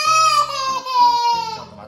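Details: Newborn girl waking and wanting milk as her mother leaves for her one-month postpartum checkup: a loud, high-pitched wailing cry in short rising bursts. A hunger cry.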